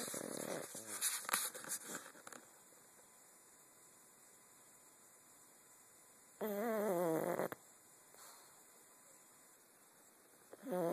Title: snoring